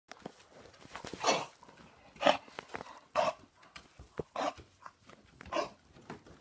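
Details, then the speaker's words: Female dog with a possible snuffle coughs a run of about five harsh, honking coughs with short breaths between them. "Oh, that doesn't sound very nice. You alright?"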